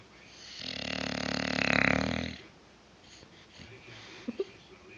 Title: The snoring!